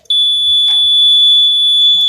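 A continuous loud high-pitched electronic tone with faint room sounds: a mechanical ventilator alarm sounding.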